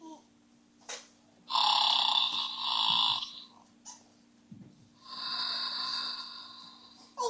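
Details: A horse snoring: two long, harsh, rasping breaths with quiet pauses between, over a steady room hum.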